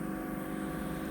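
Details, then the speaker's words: Steady, low, unbroken suction hum during endoscopic microsuction of ear wax by a nurse. The wax looks hard but is brittle, breaking apart and going up the tube while leaving small bits behind. "these bits did start disappearing up the tube but keeps leaving a little bit keeps breaking apart"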